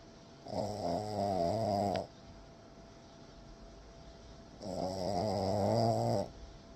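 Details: French bulldog snoring: two long, rattling, buzzy snores about four seconds apart with quiet between; loud snoring from a flat-faced dog.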